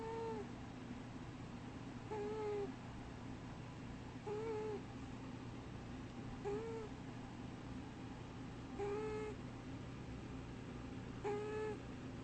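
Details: Sleeping, dreaming cat wheezing: short, high whistling squeaks about every two seconds on its breaths.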